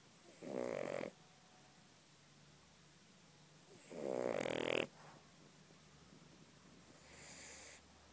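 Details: Yorkshire terrier sleeping contentedly, two loud rattling snores on in-breaths about eight per minute with softer breaths between; snoring.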